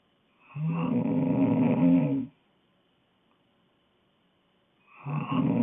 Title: Snoring girl